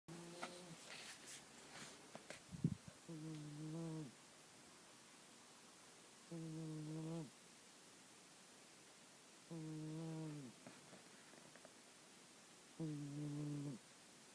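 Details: Sleeping female cat snoring loudly: four loud, buzzing snores about every three seconds, roughly 19 a minute.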